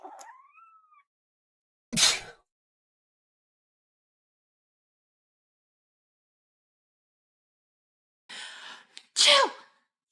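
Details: Cat sneezing: two sharp, sudden sneezes several seconds apart, the second preceded by a short inward breath, in a quiet room.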